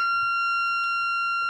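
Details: Corpuls3 defibrillator in AED mode with shock paddles, training tutorial: loud, continuous, high-pitched alarm tone after analysis, warning everyone to stand clear before the shock; AED shock-ready alarm tone.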